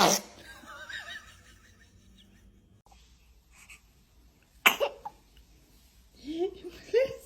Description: Watch these adorable babies sneeze! Tiny sneezes, big smiles 😍👶